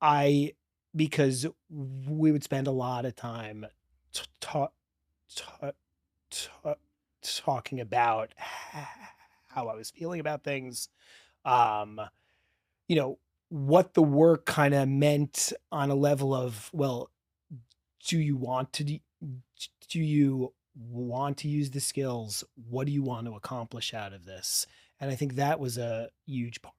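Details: 40-year-old man who has stuttered since childhood, with a strong stutter growing up; part-word and word repetitions audible; finding: stuttering.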